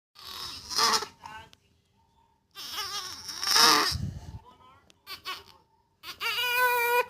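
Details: Infant crying sound effect, bursts of high-pitched crying separated by pauses.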